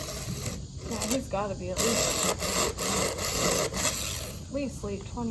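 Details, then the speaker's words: Repeated rough rasping strokes of a file on a rescue horse's teeth, with brief voices between; dental floating to level uneven wear and remove sharp edges. "she'll check on their teeth she'll grind them down make it level because if you have too much wear on this side and not much wear on that side they'll get a sharp edge on there"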